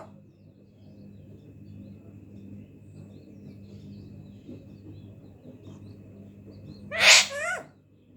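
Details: Alexandrine parrot imitating a sneeze: after quiet room noise, a single sharp, high sneeze-like burst.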